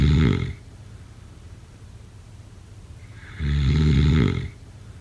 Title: #snoring #sleepnoises #snoringasmr #sleepsounds #snoringsleepingsoundeffect